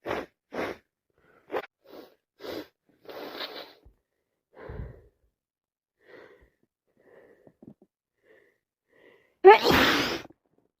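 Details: Adult on day 2 of a heavy head cold: repeated short sniffs and quiet breaths, then one loud explosive sneeze at the end.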